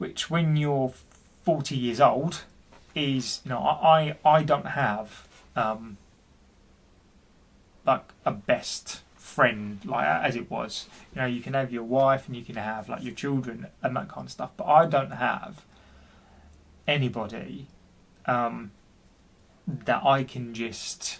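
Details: Adult man, 40, who stammers and reports intense depression for which he has seen his GP; speech with repetitions; stuttering.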